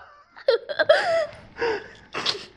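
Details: Hiccups from a young girl who got them while filming a toy video, as an adult tries to scare them away: several brief, abrupt voiced catches with sharp breathy bursts between them.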